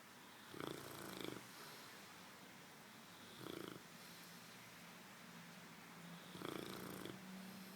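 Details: Puppy in deep sleep, barely opening his eyes, snoring: soft, fluttering snores with each breath, about three in eight seconds, over steady room noise.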